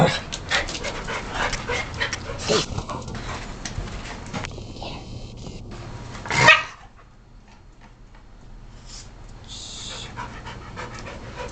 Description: MY DOG ROSIE...SNEEZES WHEN YOU TELL HER TOO..